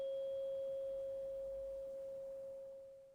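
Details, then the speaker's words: Simulated ASMR cranial nerve exam, Rinne test: a tuning fork placed behind the ear, then in front of it, with the listener asked to say when it can no longer be heard; a steady pure hum fades over about three seconds, then a brief voice. "say I'm going to pop it behind the ear in front behind your ear tell me when you don't hear anymore"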